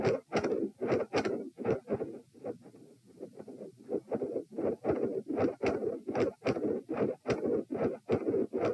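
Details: Doppler probe at position P during a lying-sitting-standing-lying posture stress test, this part lying down: rhythmic whooshing pulses about 74 a minute, with rough, noisy filling between beats from multiple heart murmurs.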